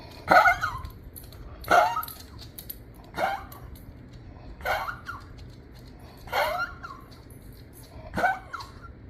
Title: Heart Failure in Dogs. Symptom coughing, SHOB, fast respiratory rate, decreased exercise tolerance